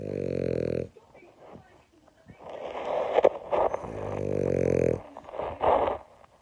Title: French Bulldog Snoring